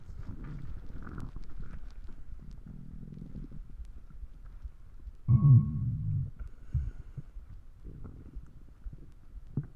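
Low, bubbling rumbles with a louder squeaky growl in the middle: stomach growling (borborygmi), from a sound-effect recording.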